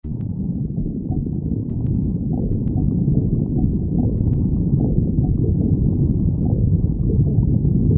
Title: stomach growling